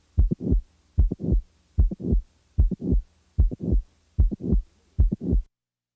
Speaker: now the mid-systolic click is added now a late systolic murmur is added